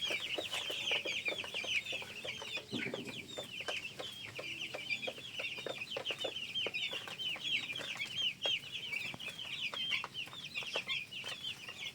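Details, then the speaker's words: 16-day-old broiler chicks with a cold after days of heat followed by rain: continuous peeping with scattered short, sharp cough-like bursts. "এই দুটোর কম্বিনেশনে মুরগিগুলো ঠান্ডা লেগেছে। বেশ কাশি দিচ্ছে।"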